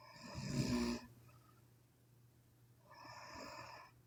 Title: Sleeping Chinese Women Snoring (CWN) Part 2